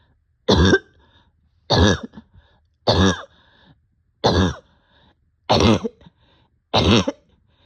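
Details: Patient short of breath with a barking cough: six harsh, hoarse, forceful barking coughs about a second apart.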